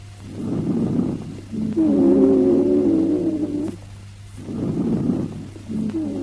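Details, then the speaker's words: High-pitched expiratory rhonchi (wheeze): breath sounds with a sustained musical whistle through expiration, from narrowed airways where opposing airway walls vibrate; teaching recording of added breath sounds. "These rhonchi may be high-pitched or low-pitched, inspiratory, expiratory or both, short or long, and single or polyphonic. Listen to the high-pitched expiratory rhonchi."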